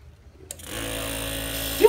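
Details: Nebulizer machine being switched on in a small room: a click, then a steady mechanical buzzing compressor hum starts.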